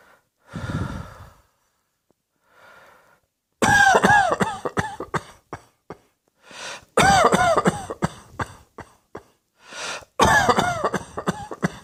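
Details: Harsh coughing in several bouts, each a quick run of bursts, with breaths and throat sounds between them.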